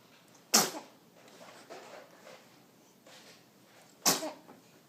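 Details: Two sharp, explosive sneezes about three and a half seconds apart, with faint room noise between them; sneezing.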